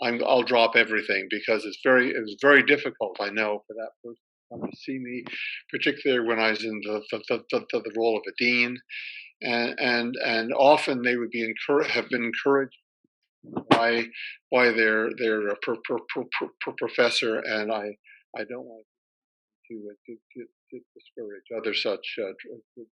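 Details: Retired male academic with a PhD who stutters, severe when young, now reasonably well controlled most of the time; part-word and word repetitions; stuttering.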